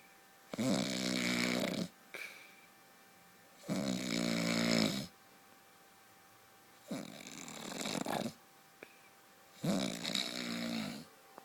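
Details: Husband's heavy snoring during sleep, described as like a truck: loud, rattling snores with each breath, about 4 cycles in 11 seconds, separated by quiet pauses.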